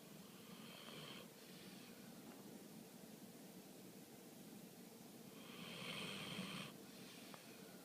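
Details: A napping dog gives two slow, airy, rasping breaths a few seconds apart in a quiet room; light snoring.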